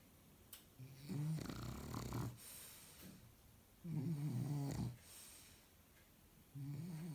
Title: Shar Pei snoring 🐾🐾🐾